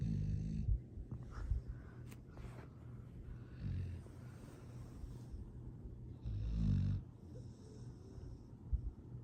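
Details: Low rumbling snores in slow repeated cycles with soft snorts between them from a sleeping rescue foster dog; sweet, happy snoring.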